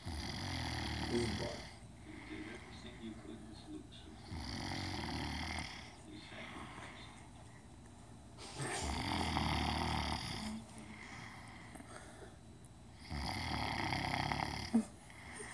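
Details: Adult man snoring while asleep: rough, rattling snores on each breath, about 15 a minute, with quieter gaps between.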